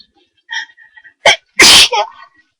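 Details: Person whose nose tickled all day without sneezing, who induced the sneeze at home and thinks they caught a cold: quick intake and build-up, then one sharp, high-pitched loud sneeze with a short voiced tail.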